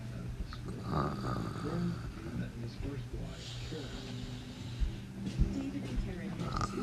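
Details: Sleeping animal snoring: low, rumbling, buzzing breath noise, continuing irregularly with occasional sharper snorts.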